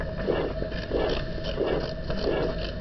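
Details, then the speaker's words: Aortic stenosis: a harsh crescendo-decrescendo systolic murmur that swells and fades in each systole, over a regular heartbeat of about 90 per minute. "Here's an example of such a crescendo-decrescendo murmur of aortic stenosis."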